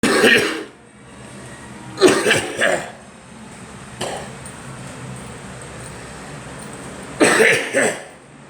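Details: About five cough bursts in three groups from two people, a girl and the recorder, separated by quiet room noise.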